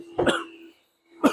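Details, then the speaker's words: Two short, harsh coughs from an adult man recovering from an illness, speaking while showing a car; cough. "ชัดเจนนะอันนี้ขอขอโทษนะอาจจะมีเสียงไอบ้างคุณผู้ชมเพราะว่าผมเป็น"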